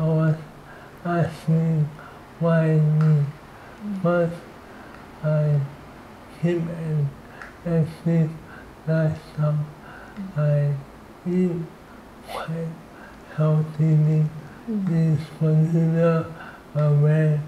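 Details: 38-year-old man with amyotrophic lateral sclerosis (ALS), a progressive motor neuron disease; dysarthria in ALS.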